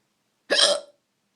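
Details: Intoxicated (drunk) person at night: a single sharp, abrupt hiccup with a quick gulping onset, then silence; hiccup.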